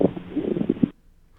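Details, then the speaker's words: Chest auscultation: coarse, creaking, grating sounds like new leather shoes walking, from inflamed pleural layers rubbing together: pleural friction rub. "O atrito pleural é o rosar das pleuras parece couro sapato de couro novo andando"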